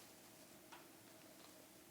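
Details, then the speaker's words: A brief faint click against quiet room noise as a speech therapist manually mobilizes the larynx of a man with dysphagia after spinal surgery, noted to crack: laryngeal crepitus. "Oh oui, ça craque là."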